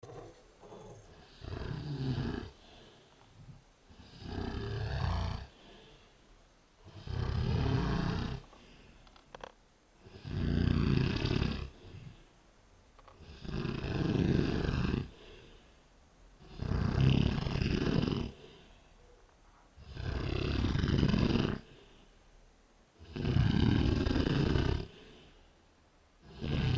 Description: #DrunkGirl #snoring at 5AM while passed out from a bonfire party.